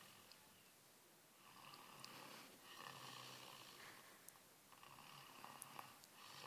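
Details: Sleeping individual with light snoring, soft, hissing, fluttery breaths rising and falling under steady room noise; snoring.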